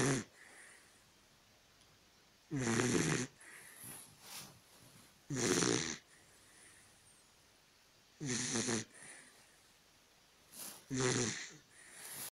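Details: Sleeping Dachshund with rough, rattling snores about every three seconds, roughly 20 breaths a minute, quiet breathing between, in a quiet room: snoring.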